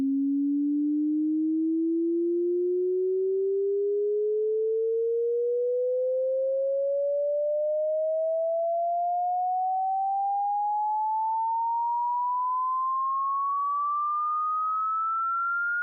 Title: hearing test